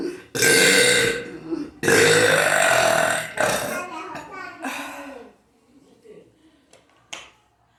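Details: While drinking: long, loud voiced belches, one running nearly two seconds, trailing off into softer gulps and clicks; forceful burping.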